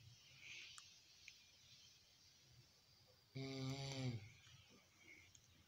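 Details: One loud, buzzing snore lasting under a second, standing out against a quiet room with a faint hiss; snoring.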